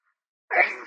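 A single loud, explosive sneeze after a moment of silence.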